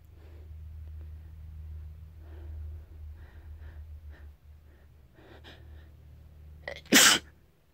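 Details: An induced sneeze: quiet breathing and a low hum, then a quick indrawn breath and one loud explosive sneeze.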